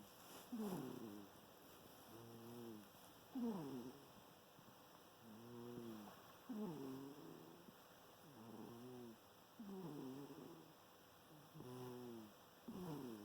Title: Thing snoring (volume up)